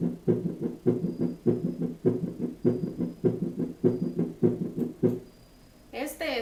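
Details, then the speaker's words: Pathological heart sound heard on cardiac auscultation with a stethoscope, presented after normal first and second heart sounds as an example of abnormal heart noises: abnormal heart sound. "pero no siempre vamos a escuchar ruidos normales muchas veces el corazón emite ruidos patológicos que en este momento vamos a escuchar"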